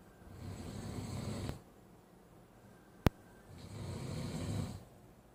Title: Snore.avi